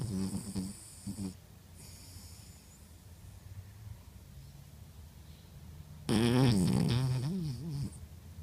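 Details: Snoring during sleep: rough, buzzing snore sounds with a longer snorting breath near the end, over low room hum.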